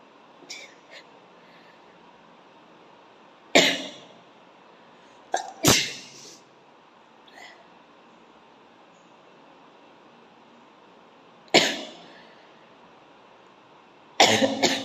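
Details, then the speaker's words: Sneezing challenge, sneezes provoked by tickling with coir fibre and grass: a series of four to five abrupt, explosive sneezes, some with a brief intake before, quiet room between. "അപ്പോൾ ഒത്തിരി പേര് റിക്വസ്റ്റ് ചെയ്ത പ്രകാരം ഇന്ന് നമ്മൾ sneezing challenge video ആണ് ചെയ്യുന്നത്."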